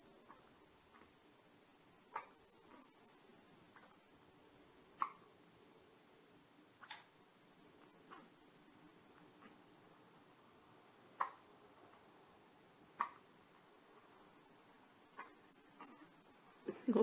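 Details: Infant 2.5 weeks old with hiccups: repeated short sharp catches every few seconds in a quiet room.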